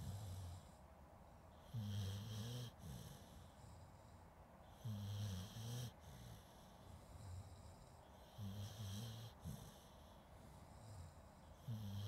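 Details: Sleeping dog snoring, recorded with a Zoom H2N as a natural sleep-aid recording that also includes some human snoring: regular low, rattling snores with faint whistling, about 18 breaths a minute, alternating with quieter exhalations.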